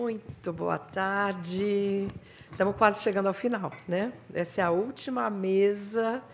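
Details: Adult woman; normal speech.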